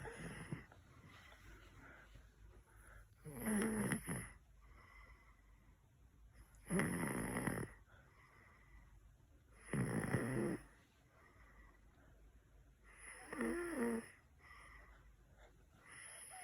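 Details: Snoring during a nap: regular rough snores on each in-breath, about four in 16 seconds, with quiet exhalations between.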